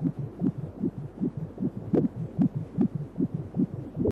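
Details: Fetal heartbeat picked up during a 3D/4D ultrasound baby scan: rapid, rhythmic whooshing pulses at about 150 a minute.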